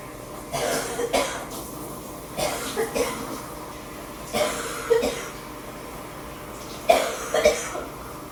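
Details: Coughing, recorded as part of a series of coughing episodes in September.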